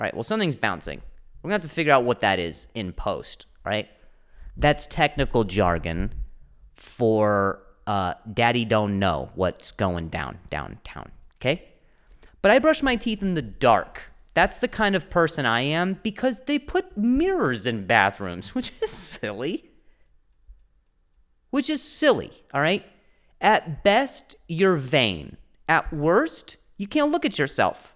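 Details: Adult male comedian with a stutter (speech impediment), speaking spontaneously on his solo podcast; stuttering.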